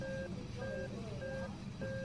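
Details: Nihon Kohden defibrillator in hospital ICU nursing training demo, adult/AED mode with voice prompts: steady, evenly spaced electronic beeps about one every 0.6 seconds over background noise; AED prompt tone.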